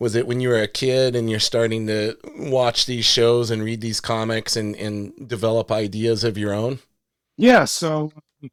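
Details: Adult male speaker; normal speech.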